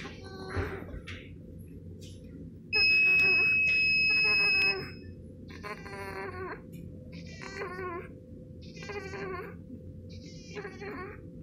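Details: Newborn in respiratory distress, case 1 on T-piece support, giving repeated short, weak cries with each breath while a monitor alarm sounds.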